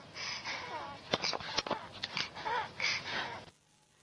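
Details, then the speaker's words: Child starting to wheeze: noisy, fast breaths with faint whistling tones on breathing out, an early expiratory wheeze rather than inspiratory croup. "okay did you hear that it's a noise when you breathe out whereas C is a noise when you breathe in"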